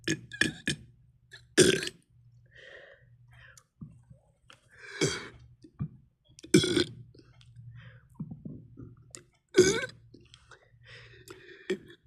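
Four loud, throaty belches spaced a few seconds apart in a quiet room, with soft sounds between them.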